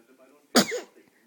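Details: A single sneeze: one sudden, sharp, explosive burst of breath trailing off into a short voiced sound.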